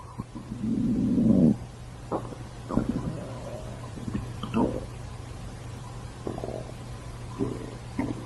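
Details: Stomach growling (borborygmi): a long, low gurgling rumble, then several shorter squelching gurgles.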